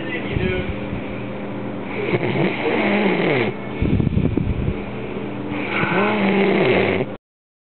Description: hes passed out drunk an hour til work